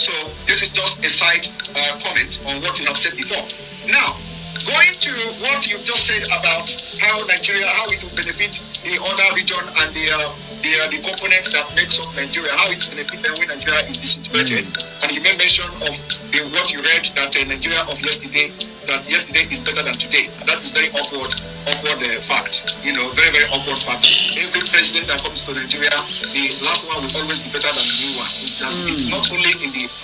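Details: Adult male speaker; normal speech.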